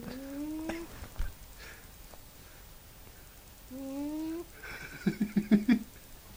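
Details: Sleeping cat makes two drawn-out, whistling, rising-pitched breaths about four seconds apart, then short snorting bursts; owner wonders if it is snoring or gas: snoring.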